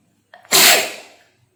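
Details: A woman doing a sneezing and nose-blowing challenge takes a brief breath in, then gives one loud, explosive sneeze that trails off quickly.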